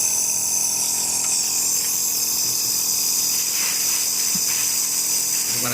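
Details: Steady loud hissing mechanical hum of a nebulizer compressor just switched on by its on/off switch, filled with water instead of medicine for a setup demonstration with child and adult masks.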